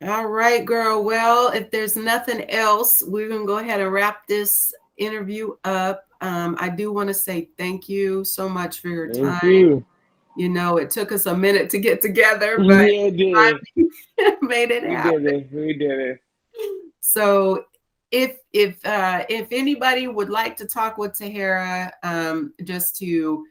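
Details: Adult female speaker; ordinary speech.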